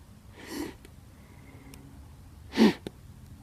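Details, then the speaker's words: Person sick with a cold, wearing a gas mask as a sneeze guard: a soft breathy burst, then a sharper, louder explosive burst a couple of seconds later in a quiet room. Sneeze. "oh my god I better not sneeze"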